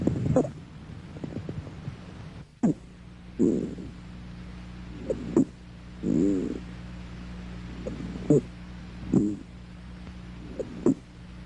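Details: Squawk.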